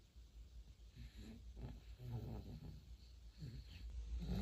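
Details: Compilation of a sleeping 4-month-old baby snoring: soft, low snuffling and grunting breaths over a steady background hum; light infant snoring.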